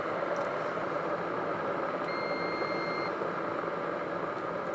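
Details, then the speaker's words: WellO2 home breathing exercise device: steady electronic beep about one second long over constant hiss of warming water, signalling the device is ready for breathing exercise. "Okay, and now there was a signal, and now it's really ready for breathing exercise."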